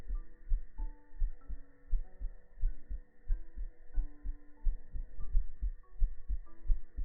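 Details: Heartbeat segment of an ASMR stream: soft, regular low thumps at about 88 beats a minute under gentle background music; normal heartbeat.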